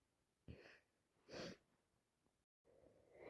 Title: Wet cold sneezes 🤧 am sick again